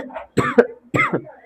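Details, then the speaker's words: Adult male teacher coughs mid-lesson: two short, abrupt cough bursts close together in a quiet room; he says he has a slight cough and bought medicine but hasn't taken it today. "थोड़ी खांसी हो गई है और खुशी की बात ये है कि दवाई तो ला लिए लेकिन आज दिन भर में पीवे नहीं एक बार।"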